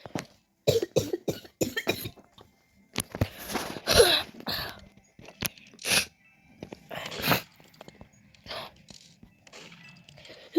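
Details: Coughing fit of about a dozen harsh, irregular coughs in clusters, some hoarse and throat-clearing, from a child who is sick, with a sore throat and trouble breathing, while gaming.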